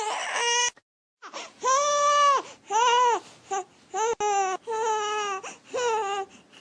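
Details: An infant gives repeated short, fussy cry bursts with brief panting gasps between them, the "uncomfortable" cry from an infant cry-language class; infant discomfort cry.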